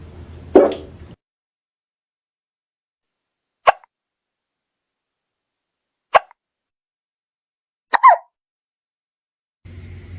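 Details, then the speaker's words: A cat with hiccups after eating its food too fast: three brief, sharp hiccup sounds about two seconds apart, each a short catch, in a quiet room. "You see what happens when you eat your food too fast, kebab?"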